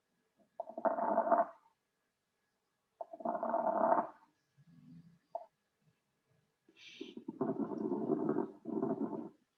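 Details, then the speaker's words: Stethoscope lung auscultation in a respiratory teaching class: rough crackling sounds on inhalation, dry crackles (dry rales). "es un estertor seco"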